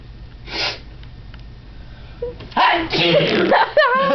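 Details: Sneezing attack in a man, recurring and not on purpose, leaving saliva on the table: several explosive sneezes in quick succession followed by a voice; a sneezing fit.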